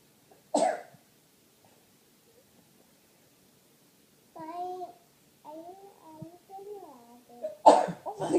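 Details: Young child falling asleep while eating, kept awake by a sneeze attack: a sneeze, babbling and whimpering, then another sneeze burst and a second quick one.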